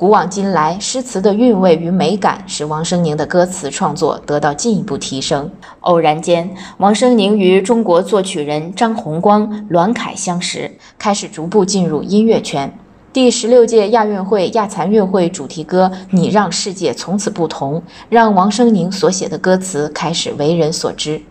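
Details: Adult female narrator; normal speech.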